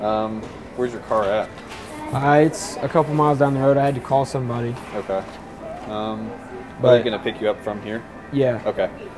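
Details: Adults in conversation; Typical speech.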